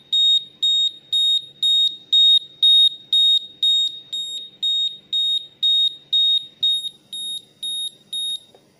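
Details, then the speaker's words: Syringe pump alarm signalling the syringe is empty (infusion finished): repeated high-pitched electronic beeps, about two per second. "Hai dan ini adalah contoh Alarm jika cairannya habis"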